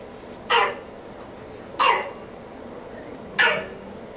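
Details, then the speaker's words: Stridor in a child with croup: three short, harsh, crowing upper-airway breath sounds, with chest retractions and audible wheezing. "and then come back in the steam and then go outside in the cold air and that rapid change in temperature calms that strider down."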